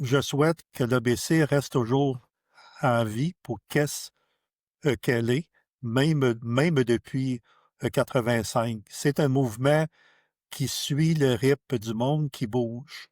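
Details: Stuttering in a French-speaking adult who stutters, a member of a stuttering association.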